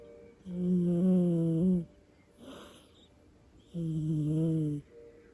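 Two long, buzzing, tonal snores with a faint breath between them, from a sleeping cat; ordinary snoring.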